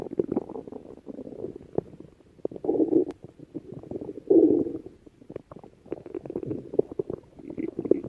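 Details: Adult stomach growling (borborygmi): irregular low gurgling and rumbling from the abdomen as gas and fluid move.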